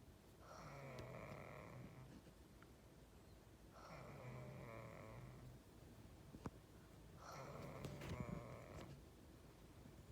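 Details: Kid snoring while asleep with eyes open: three rough, rattling snores on in-breaths about every 3.5 seconds, roughly 18 breaths a minute, in a quiet room.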